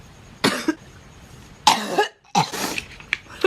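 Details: Adult woman's put-on, joking coughing fit: three harsh, forceful coughs in quick succession.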